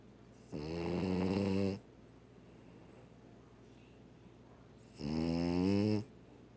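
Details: Sleeping dog snoring very loudly: two loud, long, rattling snores about four seconds apart, with quiet pauses between breaths.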